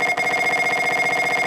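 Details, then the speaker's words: Rapid, steady buzzing pulses with a high tonal ring from a faster multiband echo-planar (EPI) MRI sequence, recorded at the start of a patient's clinical fMRI scan. "Well, now we started with the patient. A little faster EPI because I'm using multiband now."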